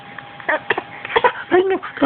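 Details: Young child coughing on purpose to get attention while his grandfather talks to him (2013): several short, deliberate coughs and throat-clearing sounds.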